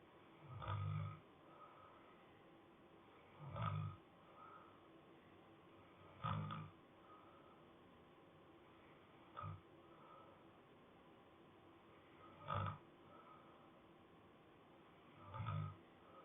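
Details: Soft, low rumbling snores at about 20 a minute, each a brief throaty rattle on the in-breath, with quiet pauses between: snoring.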